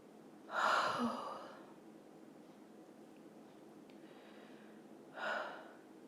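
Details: Female: two big, forceful, explosive sneezes a few seconds apart in a quiet room; sneezing.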